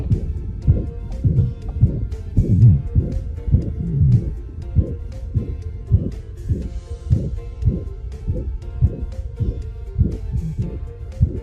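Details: Teaching example of a heart murmur heard via stethoscope; heart murmur.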